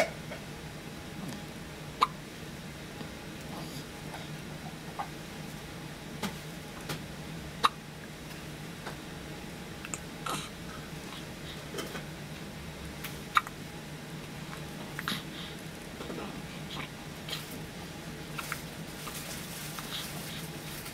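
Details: Newborn baby, 1 day old, in hospital, with hiccups: soft, sharp, repeated clicks at irregular intervals, about 10 in 20 seconds, over steady room hum.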